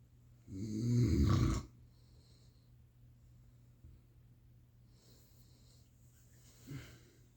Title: snoring 💏 😴 💕 🛌 like a grisly bear